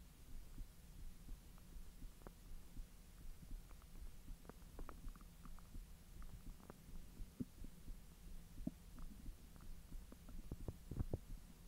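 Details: Belly recorded after eating hotdogs following 10 hours of an empty stomach: low rumbling with scattered gurgles and clicks over a steady hum, active normal bowel sounds (borborygmi).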